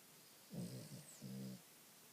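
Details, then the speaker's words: Cat (Oreo) snoring: two soft, low rattling sleep breaths, each about half a second long. "Where's your Bobby? Are you snoring?"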